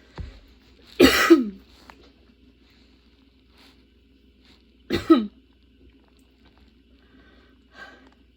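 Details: During a sudden-onset, long, worsening coughing fit bringing tears and repeated position changes: two separate harsh coughs a few seconds apart with a faint breath between; cough.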